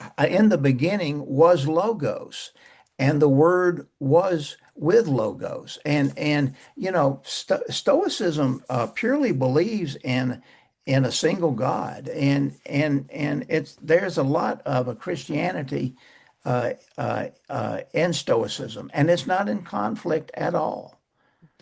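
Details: Persistent stuttering in a man close to 80 years old who says he still stutters, mainly blocks and bad airflow with some repetitions.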